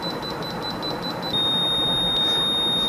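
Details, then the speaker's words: FreePex sixth-generation apex locator during root canal file advancement: rapid repeating beeps merging into a long continuous tone as the file is withdrawn counterclockwise from an over reading to the apex reading. "فلازم تبدا تعمل كاونتر كلوك وايز وتجيب قرايه الايبكس اللي هي كلمه اي بي والصفاره الطويله المستمره."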